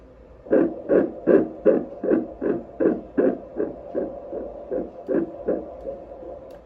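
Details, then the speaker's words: Fetal heartbeat at 6 weeks of pregnancy on ultrasound Doppler: rapid, regular whooshing pulses at 150 beats per minute; normal early fetal heartbeat. "i'm gonna put in a clip right now of the heartbeat okay 150 beats per minute we're good"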